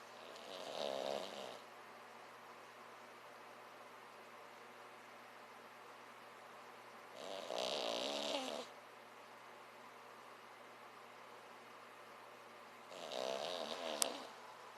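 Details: Snoring: three fluttering snores, about one every six seconds (roughly ten breaths a minute), with quiet pauses between them.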